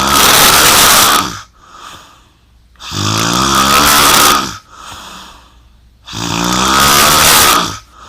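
Loud, harsh rattling snores on each breath in, about 19 a minute, with quieter breaths out between them: heavy snoring during sleep.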